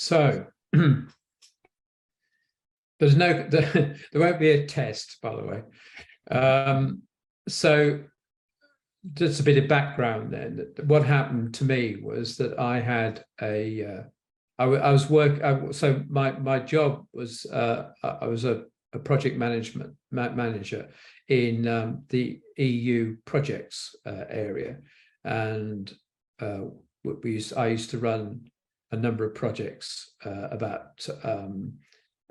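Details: Aphasia following a stroke in an adult man.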